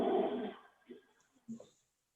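Low, snoring-like rumble over the chest, then fainter sounds: rhonchi, pointing to secretions in the larger airways.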